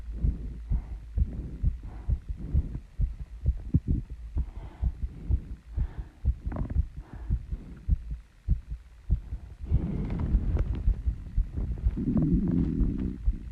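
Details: Female's heartbeat after running and squats, still out of breath as the heart slows: rapid beats of roughly 120–130 per minute mixed with heavy breathing and rustling.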